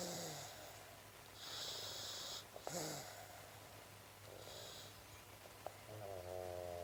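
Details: Boxer puppy sleeping deeply after a 2-hour forest walk: soft, hissing snoring breaths with faint whimpering sounds and room noise.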